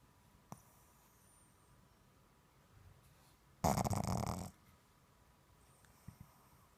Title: Pug snoring